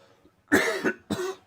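Two harsh coughs, the first with a double burst, from an adult with a cold affecting the throat.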